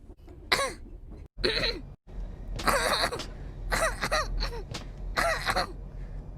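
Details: Compilation of repeated adult coughs: several separate harsh coughs and throat-clearing bursts, some in quick pairs; cough.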